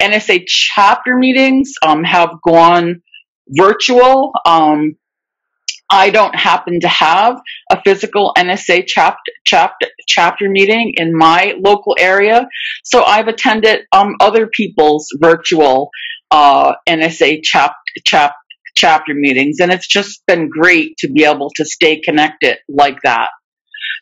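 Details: Adult who stutters, with repetitions of words and sounds. Stuttering.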